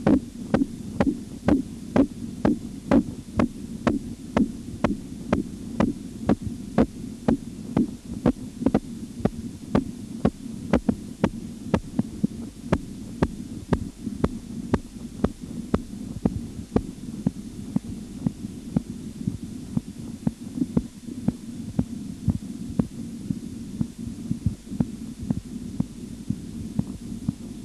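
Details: Auscultatory blood pressure measurement tutorial: regular sharp tapping beats, about 120 a minute, over a steady low hum; Korotkoff sounds during cuff deflation.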